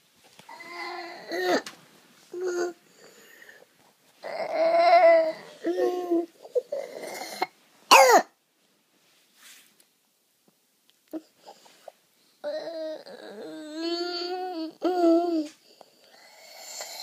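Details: Young child's cough: a few sharp, harsh cough bursts mixed among whimpering, voiced sounds.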